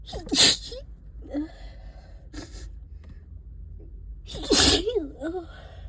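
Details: Congested person, stuffed up all day, sneezing in a closet: two forceful sneezes with a stifled, muffled sneeze between, soft voiced sounds after each; possible thuds.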